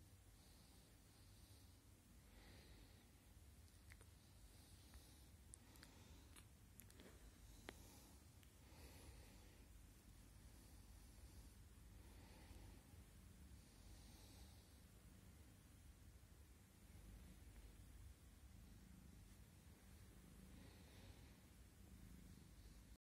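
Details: Sleeping cat snoring softly and rhythmically, with gentle snorting breaths in a quiet room.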